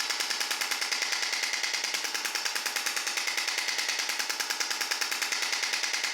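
Rapid, regular sharp tapping pulses, about 146 a minute, monotonous and unchanging: a shock wave therapy device delivering pulses.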